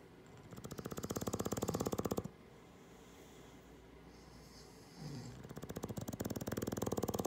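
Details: Two loud, rattling snores with rapid fluttering vibration, separated by a quiet pause with a brief snort, from a sleeping English Bulldog: snoring.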